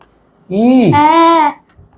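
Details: Child who had lost his voice from vocal cord swelling, sustaining 'ee' during vocal cord examination after 21 days of treatment; earlier gap between the cords now fully closed; normal phonation.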